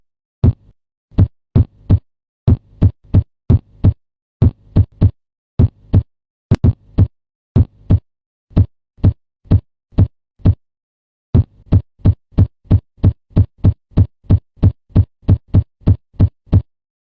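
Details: Repeated low heartbeat thuds, mostly in lub-dub pairs, with a brief pause near the end; heart sounds.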